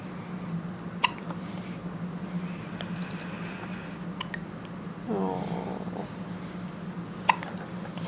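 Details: Newborn boy filmed five hours after birth, who hiccuped daily in utero: two brief, sharp hiccup sounds about six seconds apart over steady room hum; hiccups.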